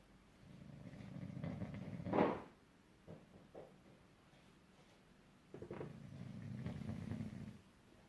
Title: Bosley our bulldog snoring